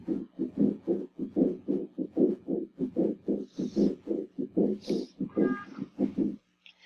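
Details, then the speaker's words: Teaching example of a pericardial rub: harsh, scratchy, machinery-like scraping repeating rapidly with each heartbeat but independent of the cardiac cycle, may vary with patient position and be louder at the apex or leaning forward; pericardial friction rub. "oye como algo que roce en los vídeos cardíacos están por fuera o sea no tiene que ver nada con el ciclo"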